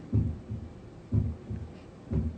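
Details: Patient simulator (Harvey) for heart murmur teaching: simulated normal heart sounds at the pulmonic area, regular paired lub-dub beats near 60 a minute.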